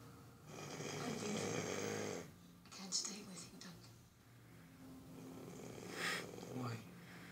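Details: Snoring during sleep: a long, rough, rattling snore on a breath, followed by softer noisy breathing.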